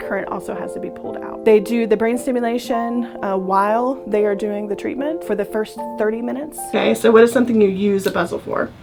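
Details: Adult speaker; normal speech.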